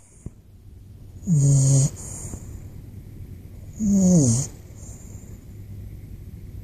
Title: Stu the Bulldog Puppy Snoring